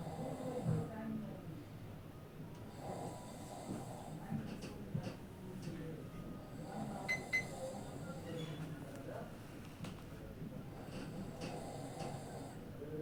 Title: competition of snoring at office